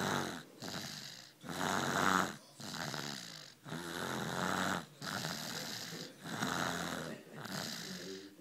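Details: Infant asleep on father's lap on a couch: steady rough, rattling noise on both breathing in and out, about 25 breaths a minute; snoring.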